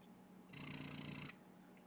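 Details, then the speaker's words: Motif Luna breast pump at its lowest cycle speed, 30 suctions per minute: one buzzing, pulsing suction cycle of under a second, with a long quiet pause on either side. "it's a big pause in between sections now some moms prefer a faster cycle speed"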